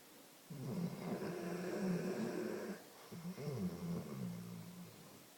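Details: Sleeper snoring, described as not sleeping soundly: loud, rumbling snores with a fluttering quality on two successive breaths.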